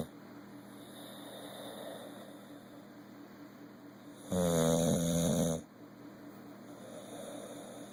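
A low rattling snore over steady background hum, one loud snoring breath lasting about a second.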